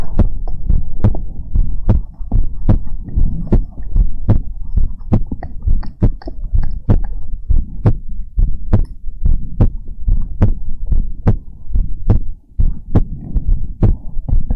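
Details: Heartbeat recording made for ASMR relaxation: strong, steady low thumping heartbeat, about 70 beats a minute, with a faint hum beneath; normal heartbeat.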